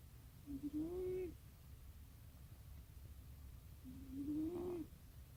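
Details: Sleeping cat giving two slow, rising, whistly-buzzing snores about three seconds apart over a low background hum, first mistaken for a mechanical sound; snoring.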